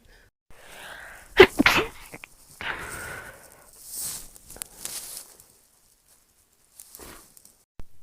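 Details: Compilation of one person's rapid sneezes, after they describe nose pain and an urge to sneeze: a few sharp, explosive sneezes in quick succession with breathy sounds between, then near silence.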